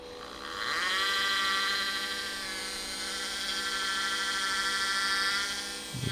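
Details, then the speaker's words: Steady, high-pitched motor whine of a dental implant drill running continuously, a tapered drill in a hard-bone protocol with the Osstem 122 taper kit, during demonstration drilling. "now i use the 3.5 tapered drill and then as my last i go one bigger than my desired implant okay 3.5 i put here okay let's start drilling"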